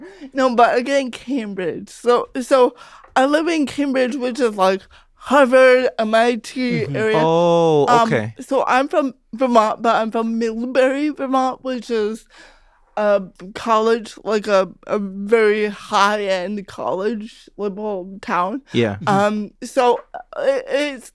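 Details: Real, unscripted speech from a woman comedian who has had cerebral palsy since childhood; her family remarked on her speech when she was about five. Dysarthria due to cerebral palsy.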